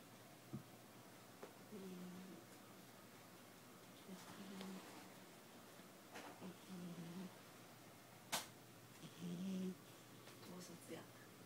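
Soft, low rattling snores from a sleeping cat, recurring every few seconds in a quiet room; ordinary pet snoring.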